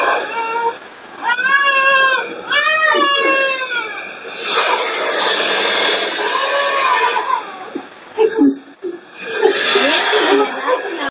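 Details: Infant crying in rising and falling wails separated by short pauses for breath, with softer fussing near the end; infant cry.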